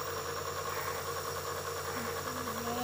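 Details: Nebulizer compressor running for a young child with a cough, given at home after the child was first afraid of it and then began breathing deeply: a steady mechanical hum and buzz throughout, with no speech.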